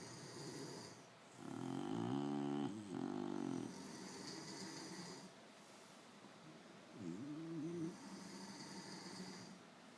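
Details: Bully-breed dogs snoring while asleep: loud, rattling, vibrating snores with a fluttering buzz, typical of short-nosed breeds.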